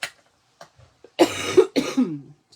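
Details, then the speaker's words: An adult woman who has been coughing a lot since Saturday evening and thinks she has bronchitis gives two harsh, voiced coughs in quick succession, preceded by soft clicks, in a quiet room. "Ouais, j'ai une grosse tou franchement là ça a commencé samedi soir je pense que je suis"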